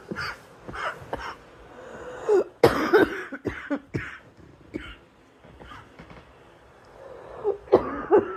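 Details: Young female gives an irregular series of about ten dry-to-harsh coughs mixed with throat clearing in a small room: repeated coughing.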